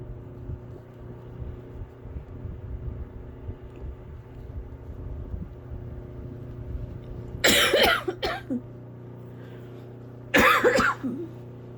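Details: Two bouts of harsh, wet-sounding adult coughing over a steady low hum, from someone sick with an unknown feverish illness and feeling somewhat congested.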